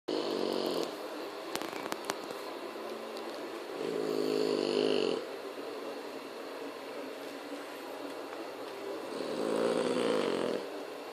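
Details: French Bulldog snoring very loudly: three harsh, rattling snores about every four to five seconds; heavy snoring.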